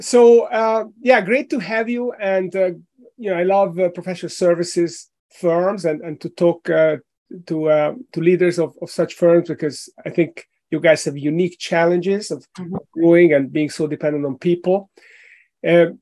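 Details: Adult man speaking; normal voice.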